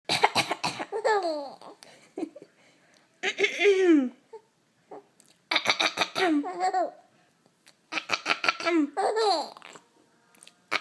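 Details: Mother's short bouts of dry coughing, about four, each followed by an infant's high giggling laughter in a small room.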